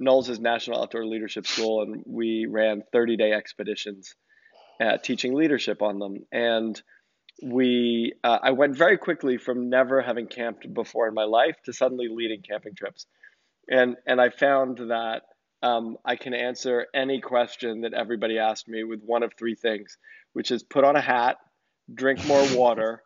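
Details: Adult male speaker; normal voice.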